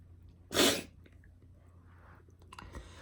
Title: Girl sneezing